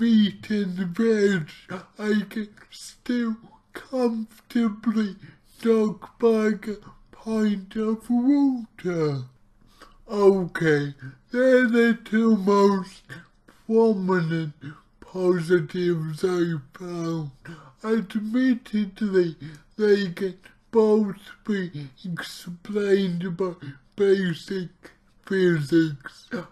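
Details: Dysarthria from his own cerebral palsy; heavily distorted speech.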